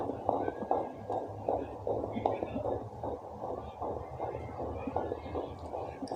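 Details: Fast, rhythmic whooshing pulses of a fetal heartbeat, about 150 beats a minute, found with a home fetal Doppler.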